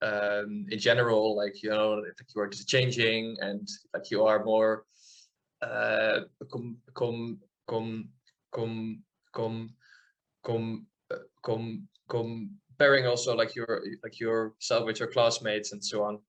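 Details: 28-year-old man from the Netherlands who has stuttered since childhood, noticed it at about age seven and had speech therapy, speaking in an interview; stuttering.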